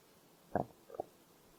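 Two brief gurgling growls in a quiet room: stomach growling from hunger.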